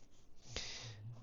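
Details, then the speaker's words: Bulldog sleeping nearby snoring, described as a bit of a snorer, heard in the background while someone talks; snoring. "I've got my bulog who's sleeping nearby you'll hear that snoring that's the Bulldog"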